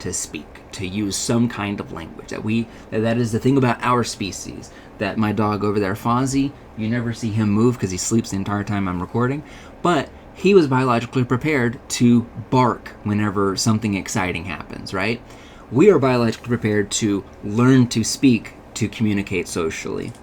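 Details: Adult man lecturing; Normal adult male speech.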